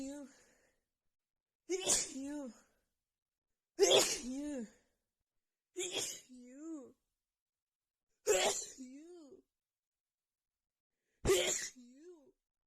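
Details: Sneezing fit during a head cold with a blocked nose, triggered by sniffing a tiny bit of black pepper: repeated forceful sneezes with voiced gasps or groans and barely any breath between them.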